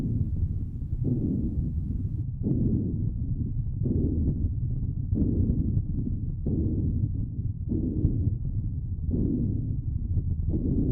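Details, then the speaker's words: Normal vesicular lung sounds heard through a stethoscope on a dog or cat patient, used for counting respiratory rate: soft, low rustling breath sounds rising and falling steadily through inspiration and expiration under stethoscope noise. "Vamos ao exemplo no vídeo em um paciente com sons pulmonares normais, que são os sons vesiculares."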